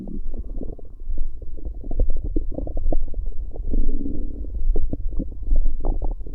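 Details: Bowel sounds (stomach noises) recorded from a pregnant woman's abdomen.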